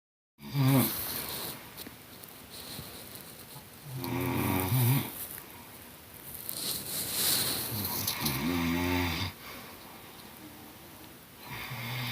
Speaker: snoring in harmony.